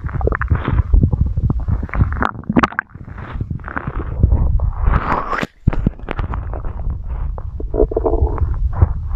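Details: Stomach growling recorded close up, with loud gurgles, squelching rumbles and brief squeaks; borborygmi, an ordinary gut sound.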